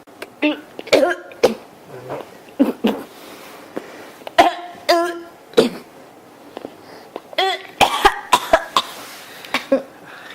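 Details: Repeated short dry coughs and throat clearing, about fifteen bursts in ten seconds, some in quick runs, from an adult complaining of an itchy, scratchy throat; persistent cough.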